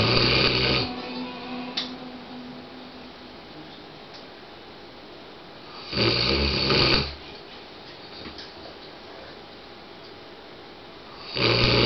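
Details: Pet dog asleep: loud rasping snores about every five seconds, roughly 11 a minute, quiet breathing between, faint television talk in background. Snoring.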